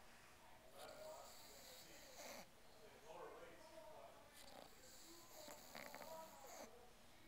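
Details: Rough, rattling snores in repeated breath cycles over room noise from a sleeping English Bulldog with his tongue sticking out.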